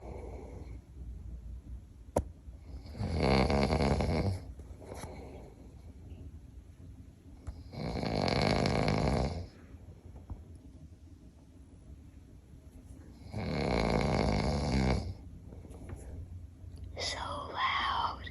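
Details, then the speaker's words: Father snoring, recorded by his child: three long, loud, rattling snores on the in-breath about five seconds apart, with quiet breathing between; ordinary heavy snoring. "Daddy snores so Daddy snores so loud."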